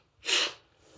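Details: Sneeze during a reading of the poem The Raven: a single sharp, hissing burst of air with a quick build and fade; one ordinary sneeze.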